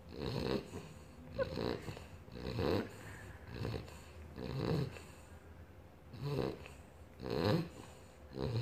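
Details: Sleeping 3-month-old British bulldog puppy: loud, rattling snores with each breath, about 20 breaths a minute, with snorting and noisy airflow; heavy snoring.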